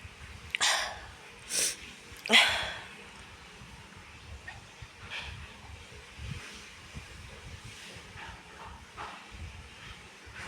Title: Feather sneezing.